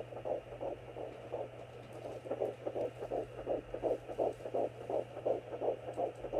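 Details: Rapid, regular whooshing fetal heartbeat heard on a home Doppler for the first time, around 140 beats a minute, signal briefly lost and found as baby moves; within normal range.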